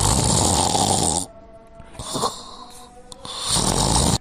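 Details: Acted snoring while lying on the back (supine): loud, rough inhaled snores with quieter pauses between, over background music; side-sleeping is said to make the snoring quieter.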